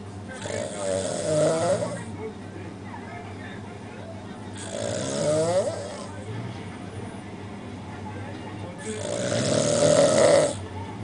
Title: This boy can snore